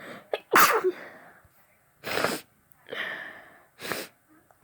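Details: Person with a bad head cold: four wet, forceful sneezes in quick succession, each a sharp burst of noise; sneezing.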